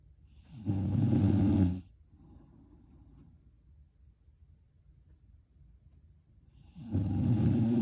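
Two loud, rough, low snores, each about a second long, separated by quiet breathing in a still room.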